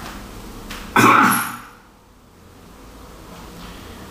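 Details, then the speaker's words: Single short, soft cough burst into a peak cough flow meter from a patient with neuromuscular disease, after assisted insufflation, fading quickly; weak cough, peak cough flow around 300 L/min. "si è invece provava a far colpo di tosse è dentro lo strumento è quindi l'insufflazione colpo di tosse"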